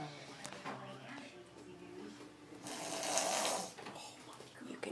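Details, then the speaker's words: Female asleep face-down in a shower, taking in a little water; soft rasping breaths build into one louder rough, snorting snore, with splashing and room noise: snoring. "actually hear her snoring"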